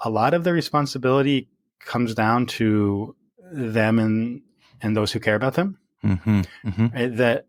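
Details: Real stuttering in an adult speaking naturally in conversation.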